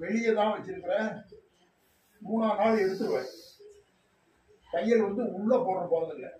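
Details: Puberphonia (persistent high-pitched voice after puberty) in a young male counting aloud during a voice-treatment session.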